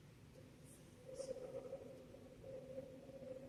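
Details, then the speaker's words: Rhonchi demonstrated in an EMT teaching class: bubbling, gurgling-water sounds from secretions in the larger airways, which may clear with coughing; lungs described as full. "Sounds like gurgling water. Hear that? They're full. They're full."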